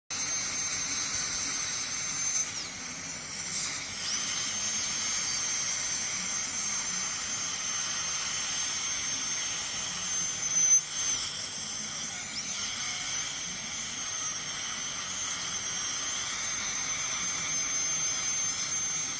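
Continuous high-pitched whine with hiss, with faint suction noise, consistent with an ultrasonic dental scaler during cleaning.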